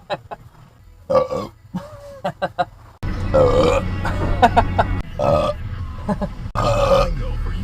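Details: Burping while driving: several loud, long, deep burps in a row, with low engine rumble behind.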